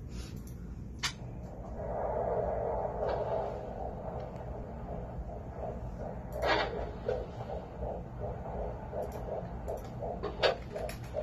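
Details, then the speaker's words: Fetal heartbeat on a Doppler, described as strong: fast, regular whooshing pulses at roughly 150 beats a minute. "a strong heartbeat i'm sorry that's a strong heartbeat it sure is"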